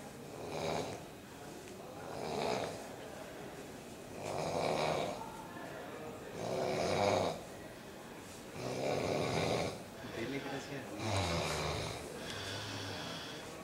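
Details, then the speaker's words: Loud, rough snoring at night, repeating in a steady cycle of about six snores in fourteen seconds with quiet gaps between. "Escuchemos los ronquidos tenebrosos. Con un ciclo repetitivo."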